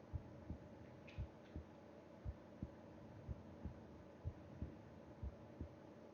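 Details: Heartbeat heard with ear against chest during sleep: soft, regular paired low thumps about 85 beats a minute with faint room hum; normal heart sounds.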